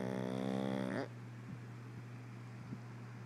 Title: Harley the Pug snoring with his eyes open